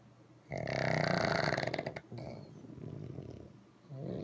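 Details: Loud, rattling, snorting snores, rough and fluttering, in long noisy breaths from three small pugs; snoring.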